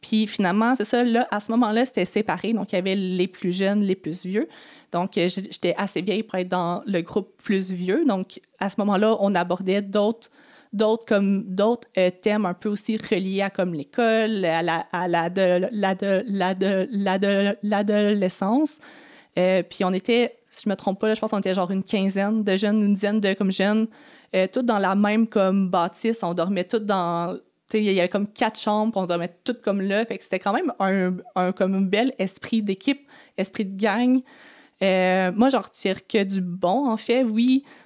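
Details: Stuttering in an adult woman who has stuttered since age 6 and had four or five speech therapies.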